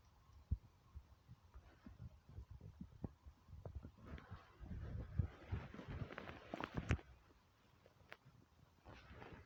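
Quiet low rumbling and gurgling from the belly, irregular and bubbling, typical of stomach growling from hunger.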